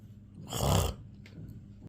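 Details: A parrot imitating its owner's snoring: a single short, rough, snore-like rasp.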